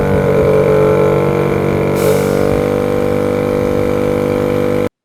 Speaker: to test the force of the suction forcibly crimp the tubing in one hand and listen for the strain on the motor as it fails to pull air through the tubing